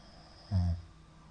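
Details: A middle-aged man snoring in sleep: a single low, rumbling snore on an in-breath in a quiet room. Shallow hypopneas suggest sleep apnea.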